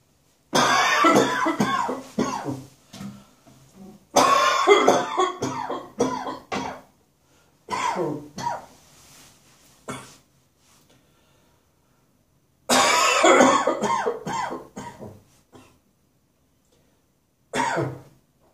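Loud, harsh cough bursts in several fits, with throat clearing and hawking between them.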